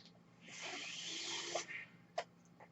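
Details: Real recording of a podcast host's own mechanical ventilator: a soft rising airflow hiss of about one second, then quiet valve clicks over a low steady hum, one full breath cycle. Mechanical ventilator breath sounds.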